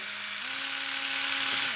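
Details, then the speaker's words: Two-speed, two-head electric toothbrush with the incisors placed in its guide, switched between its high and low speeds: steady high-pitched motor hum that changes pitch partway through. "and then you will effectively turn the brush on that's high this is low"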